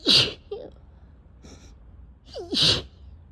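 Two sharp, hissing sneezes about two and a half seconds apart, each preceded by a brief inward breath.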